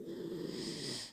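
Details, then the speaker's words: Dog snoring loudly: a rough, rattling snore lasting about a second, with steady hiss in the background. "Can you hear him snoring? It's so funny. It's so loud."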